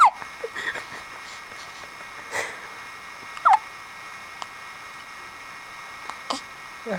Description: My little 1 week old daughter with the hiccups and when you put a finger in her mouth, it gets louder and more high pitched :)